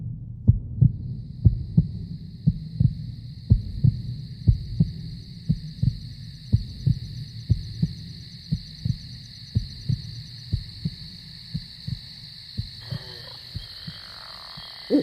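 Regular low double thumps of a heartbeat, slowing over the clip, with a steady eerie tone above; a horror sound effect, not a real recording.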